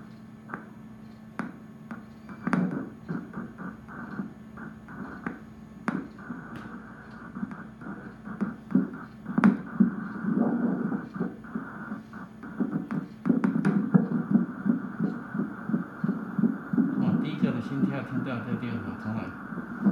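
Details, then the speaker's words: Doppler fetal heartbeat of twins from IVF in a 43-year-old woman, first then second twin: fast, rapid pulsing with scratchy probe noise and steady hum; normal. "那我们来看一下他的心跳，在这里，这是第一个的心跳。这心跳哦，这心跳，这是第一个的心跳，这是第二个的心跳，"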